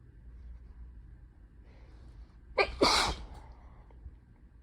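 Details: Adult with a cold and fever on day 1, just after blowing nose: a quiet indrawn breath, then one sharp explosive sneeze over low room hum.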